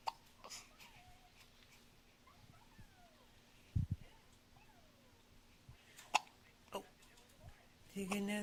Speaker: Say, help me. I got hiccups. Say, help me.